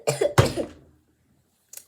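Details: Two quick, harsh coughs in close succession, then a brief soft sound, from a vlogger who says something is stuck in their throat while talking to camera; cough.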